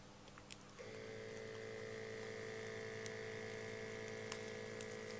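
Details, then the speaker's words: Mobilograph ambulatory blood pressure monitor taking a manual reading on a patient, cuff under the shirt: steady electric pump hum as the cuff inflates and tightens; it is set for three readings an hour by day, one at night. "I'm going to take one manual reading now so you can see what it feels like there we go just tightening up"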